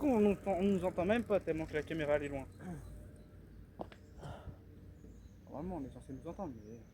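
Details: Adult speaker, French; ordinary speech.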